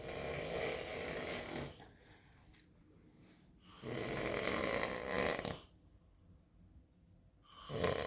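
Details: Snoring in the morning: loud rough snores, about 1.5 to 2 seconds each, with quiet pauses between, roughly 15 breaths a minute.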